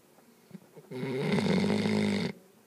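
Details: One loud, buzzing, slightly tonal snore about a second and a half long from a puppy crashed out asleep.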